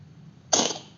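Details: A cat gives a single sharp, hissy sneeze after quiet room noise, fading quickly; the owner wonders if it caught a cold or swallowed fur.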